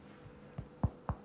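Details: Finger percussion demonstrated on oneself: three short, hollow, booming taps over a faint steady hum, a hyperresonant percussion note.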